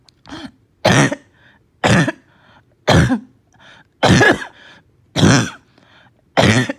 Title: Barking cough w/slight fever, gagging, puking